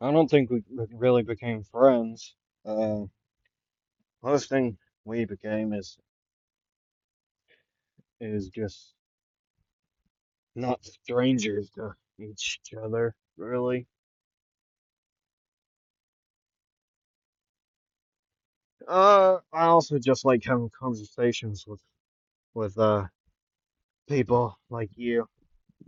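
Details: Male narrator who says he stutters a lot and repeats things, with word repetitions in this stretch; stuttering.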